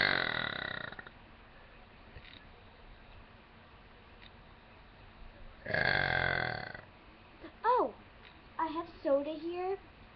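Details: Two voiced belches, the second longer, followed by brief rising and falling voice sounds over steady background hum; deliberate burping.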